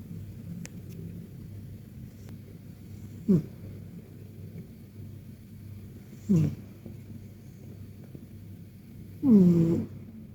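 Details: Persian cat in a deep, relaxed nap: three soft, brief snores several seconds apart over quiet room noise; snoring.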